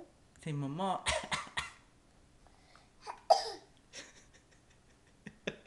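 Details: A 9-month-old infant makes a brief voiced sound, then short, forced cough-like bursts, imitating a parent's cough.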